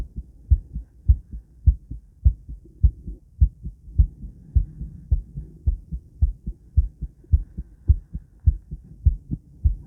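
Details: Female heartbeat recorded after 50 squats: regular lub-dub at about 105 beats a minute; normal heart sounds, mildly fast rate.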